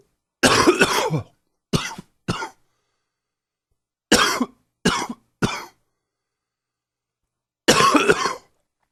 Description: A little more bronchitis coughing. Please comment, subscribe, share and enjoy.